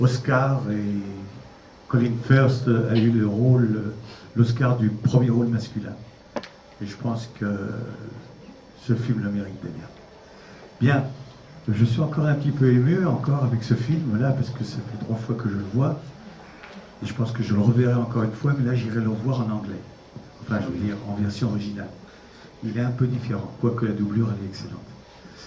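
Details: Adult man speaking French; normal speech.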